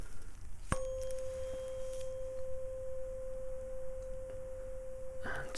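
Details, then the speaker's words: A tuning fork tone during a simulated Rinne hearing test on the left ear, with the fork at two positions to compare loudness: a clear, steady pure tone that slowly fades. "now I want you to tell me quite simply which is louder position one or position two can you do that for me"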